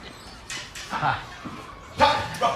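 Brief, sharp bark-like vocal bursts from an adult, separated by quiet gaps; an acted bark-like vocal tic of Tourette syndrome.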